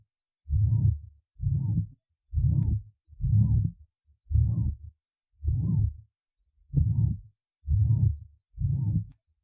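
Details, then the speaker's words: First auscultation point (apex) in female patient with rheumatic mitral regurgitation and bradysystolic atrial fibrillation: long blowing systolic murmur after weakened first sound, irregular rhythm about 65/min. "прослушайте запись сделанную в первой точке аускультации у больной с романтической недостаточности митрального клапана на фоне броди систолической форма мерцательной аритмии"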